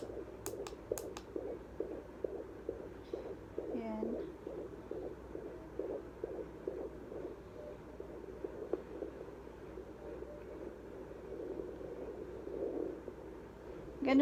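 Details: Fetal heartbeat checked at home with a fetal Doppler during pregnancy: rapid, regular whooshing pulses at about 150–160 a minute. Fetal heartbeat on Doppler.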